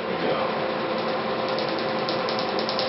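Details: Laser removal of a blue and black ink shark tattoo; rapid, even mechanical clicking over a steady machine hum as laser pulses fire.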